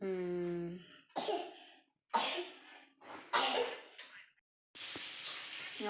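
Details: A child's voice, then three or four harsh coughs with throat clearing in a small room, from a small child who is unwell and keeps coughing; repeated cough.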